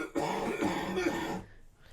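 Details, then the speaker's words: A single prolonged, harsh, voiced cough from an adult man with tuberculosis, treated with up to six months of antibiotics and coughing badly for three days, fading into quiet room noise. "his coughs are bad i heard him cough like all these last three days that sounds horrible"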